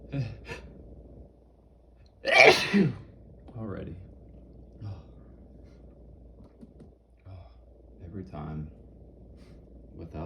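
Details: One loud, explosive sneeze among quieter breaths and murmurs, triggered by cayenne pepper powder.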